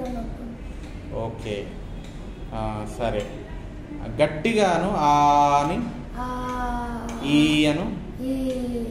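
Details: Adult woman with hoarse voice after thyroid surgery, after about two weeks of voice therapy (third session); therapist says voice is now very good; recovered voice after post-thyroidectomy dysphonia.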